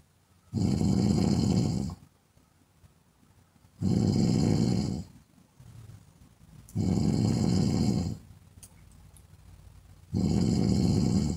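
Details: Woman snoring: loud, rough, rattling snores on each breath in, four in about eleven seconds, separated by quiet breathing out.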